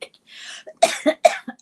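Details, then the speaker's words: Speaker who says she can't talk very easily this morning: a breathy intake followed by a quick series of three short coughs, a lingering cough. "So, we've got no questions. I can't talk very easily. I'll give it a go, but at some point I'll have to quit talking and rely on everybody else to ask questions in the chat room."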